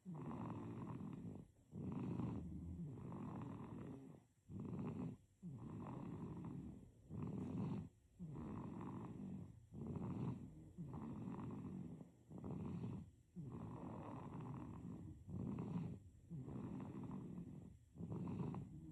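Soft, low, regular snoring with each breath, about 23 breaths a minute, in a quiet room. Snoring in a sleeping baby.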